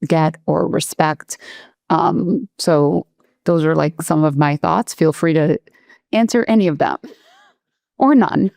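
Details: Adult speaker; normal speech.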